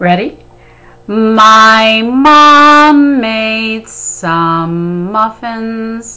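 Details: Adult speaker in a home speech practice session, with a brief cue word; speech practice phrase.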